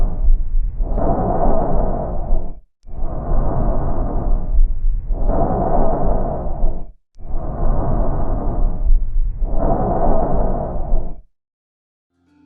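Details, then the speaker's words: Bronchial breath sound: loud, harsh blowing breath, like tracheal sound but less intense, with inspiration similar in length to expiration and a brief pause between the two phases. "ele é menos intenso e o tempo de inspiração é semelhante ao tempo de expiração sendo que também acontece uma pequena pausa entre estes dois tempos"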